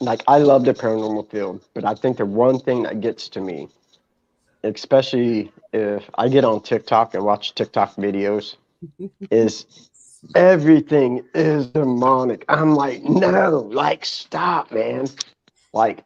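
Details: Adult man; normal speech.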